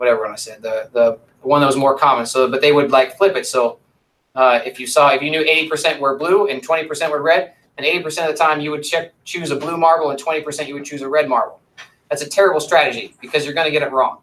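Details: Adult male speaker; normal speech.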